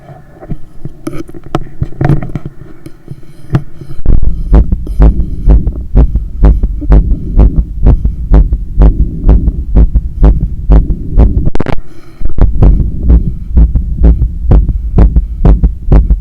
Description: Recording after running 10km outside and climbing up 15 floors of stairs to get home. My heart was visibly hammering inside… sorry for the breathing and the hard pumping sounds.